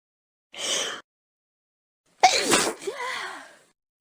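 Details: A sharp inward breath, a pause, then a loud explosive sneeze trailing into a voiced groan.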